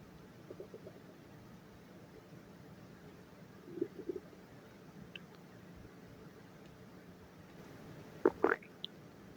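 Brief gurgling, squelching rumbles from the stomach, a few quiet ones and a louder burst near the end.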